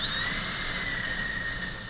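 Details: Steady high-pitched whine of a high-speed dental handpiece with a vertically held bur cutting a Class II composite preparation, guided by mirror view, on a classroom manikin simulating patient treatment in restorative dentistry.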